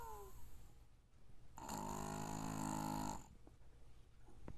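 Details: Pug snoring: one long, droning, buzzy snore lasting over a second from a flat-faced dog, snoring from its narrow airway.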